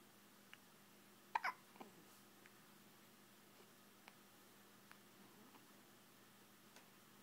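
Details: An infant's hiccup in a quiet room with a steady low hum: one sharp, short hiccup with a faint voiced tail, then only soft clicks.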